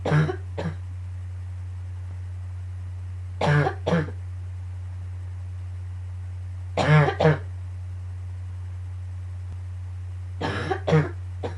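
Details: Coughing fit right after waking in the morning, becoming painful by the end; four bouts of paired coughs over about twelve seconds with a steady low room hum.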